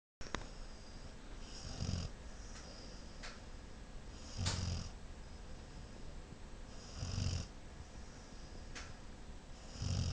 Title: My Snoring PitBull